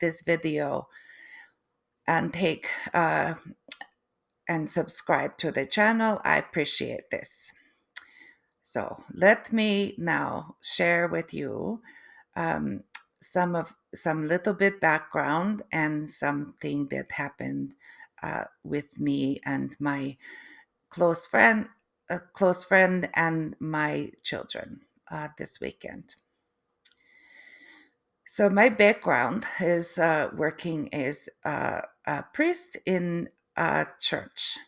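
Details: Adult woman, third-generation Canadian, with post-stroke aphasia and apraxia of speech; foreign accent syndrome began three months after the stroke, which she feels sounds East European; foreign accent syndrome with aphasia and apraxia of speech.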